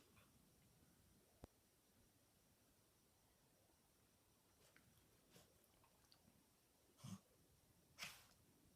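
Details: A puppy gives two short, sharp sneezes near the end, with faint snorts before them against a quiet background; sneezing.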